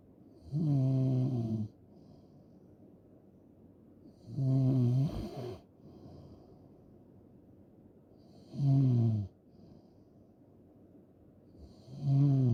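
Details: Loud, rough snores recur about every four seconds, roughly 16 a minute, with quiet breathing between; heavy snoring.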